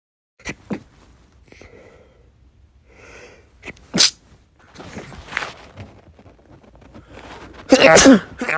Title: sneeze compilation (m)